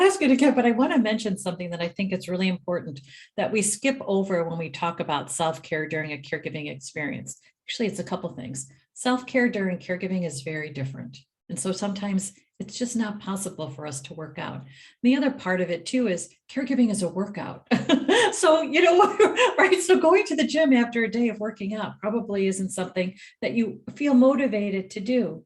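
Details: Adult woman speaking; normal speech.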